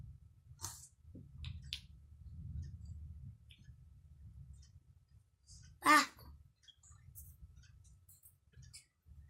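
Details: One brief cough from a 5-year-old child with a cough and cold (runny nose) while playing with wooden blocks, amid block clicking and soft room noise.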